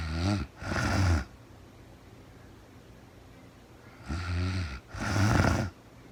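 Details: Real-time recording of a woman asleep overnight, very tired, no talking (labelled REM sleep): two loud, low rattling inspiratory snores separated by a quiet pause; snoring.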